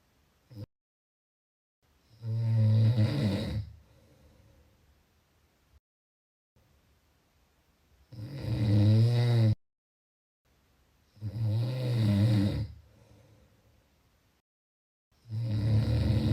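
Loud, rattling snores on each breath in, separated by quiet pauses, about 9 breaths a minute.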